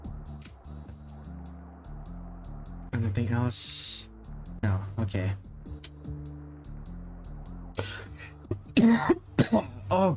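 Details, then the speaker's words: A few loose, phlegmy coughs and throat clearing from an adult over background music; the adult says the throat feels wet and sticky, fears getting sick again after an illness last month; wet cough. "goodness. That felt like a really wet cough. Oh no. Don't tell me I'm getting sick again."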